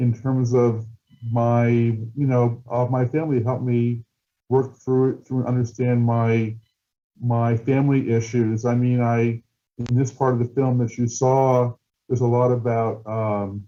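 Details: Adult male filmmaker who stutters, with audible word repetitions such as "I I" and "being being"; stuttering.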